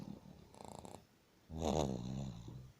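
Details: Older dog snoring, which happens every night; two low, fluttering breath noises, the second louder and rougher; snoring.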